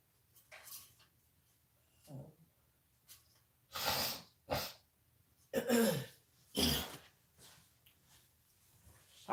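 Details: An adult who is sick with body aches, feeling "hit by a truck", and a hoarse, croaking voice gives several forceful, spaced coughs with throat clearing and breaths between them; a cough during illness.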